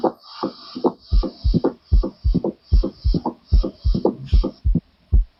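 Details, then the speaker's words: Opening snap of mitral stenosis: sharp extra sound early in diastole after S2, regular heartbeat near 75/min; the A2–opening snap interval shortens as stenosis worsens. "One more time that is nothing but opening snap."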